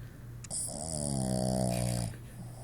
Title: snoring